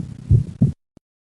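Low, dull heart sounds through a stethoscope, one brief cardiac cycle before the recording goes quiet. The second heart sound is split, a finding of right bundle branch block, where delayed right ventricular activation makes the pulmonary valve close after the aortic valve.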